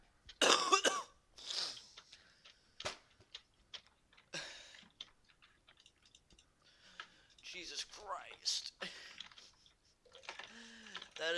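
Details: An adult's coughing fit: a run of harsh, explosive cough bursts, then strained voice and laughter.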